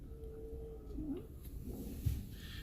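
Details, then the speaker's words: Simulated stridor on an adult EMT training manikin: faint, high-pitched whistling stridorous respirations, switched on from normal throat sounds via the manikin's vitals controls. "So for specifically, if we wanted to change his respiratory to stridor, we can immediately hear him start having stridorous respirations."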